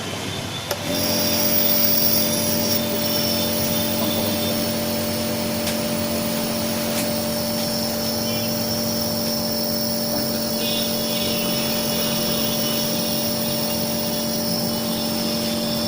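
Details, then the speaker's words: Nebuliser compressor switched on with a click, then a steady motor hum and constant buzzing drone, in a home demonstration run with water instead of medicine. "ये इसका कंप्रेसर है, बड़ा लगाना है, बड़ा लगाना है।"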